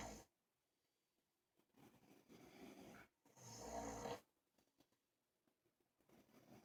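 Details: Two sleepers, a father and a brother, snoring at once: soft, rough snoring breaths with quiet gaps; snoring.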